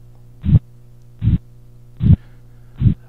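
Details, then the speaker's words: Simulated carotid bruit heard with a stethoscope on the neck of a male auscultation manikin: rhythmic low whooshing pulses over a steady hum, about 77 a minute, with no heart sounds. "notice that there are no heart sounds just a brew"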